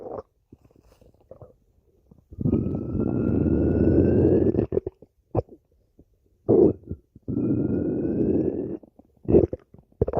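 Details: Ordinary stomach growling (borborygmi): two long, loud gurgling rumbles with a rising whine, between short gurgles and quiet gaps.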